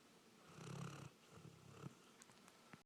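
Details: A low, rumbling snore on one breath, then quieter breathing noise, from a golden retriever after a hard day's work: dog snoring.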